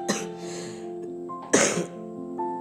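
One short, harsh cough-like burst, close to a throat clear, made by an adult as an imitation over steady background music.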